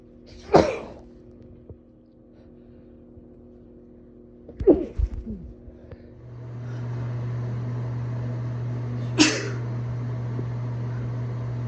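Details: Three separate sneezes from a female, spaced several seconds apart, hidden in a bathroom at Christmas, with a steady appliance hum starting partway through.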